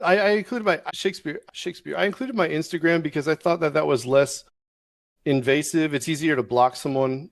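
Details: Adult male with Tourette syndrome that developed during Navy service; the word 'Shakespeare' is interjected mid-sentence as a vocal tic (Tourette syndrome).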